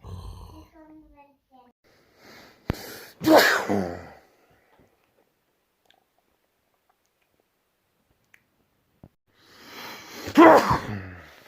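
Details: Two loud, explosive sneezes several seconds apart, the first after a brief voiced build-up: sneezing.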